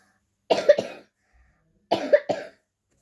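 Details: 10-year-old girl coughing while reading a story aloud: two brief cough bouts, each a few quick bursts, in a quiet room.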